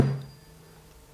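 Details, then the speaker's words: 128 Hz tuning fork struck to vibrate before placing on the lateral malleolus tip, with stethoscope on the fibular head, for bone-conduction fracture screening demonstration; sharp strike then low humming. "then I will strike the tuning fork somewhere to make it vibrate and"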